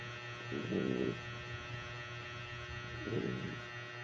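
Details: Sleeping dog: two rough, buzzing snores about two and a half seconds apart over a steady electrical hum, while another dog and a cat listen.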